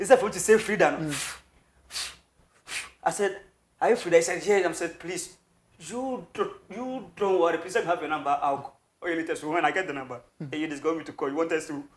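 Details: Adult male who has stammered since birth, a family trait shared with his grandfather and relatives, severe and worst on words starting with K or T, with breaks in speech but smooth when rapping; stuttering.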